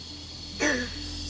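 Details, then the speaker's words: A single short, harsh, hollow, seal-like barking cough over quiet room hum, from a child with suspected severe croup being taken by ambulance to hospital; still barky on the way. "Still a bit barky. Sound like a seal."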